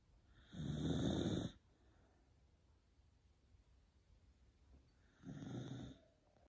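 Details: Two loud, rough, rattling snores about five seconds apart with quiet pauses between, from a sleeping Beagle dog; snoring.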